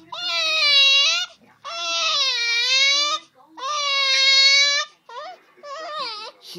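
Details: Baby crying: three long, loud wailing cries with breaths between, then shorter whimpering bursts.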